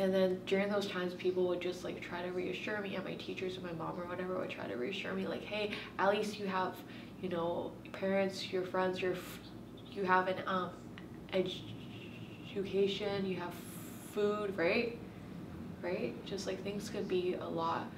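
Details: Stuttering in a woman who has stuttered since she started talking and still blocks on the same letters.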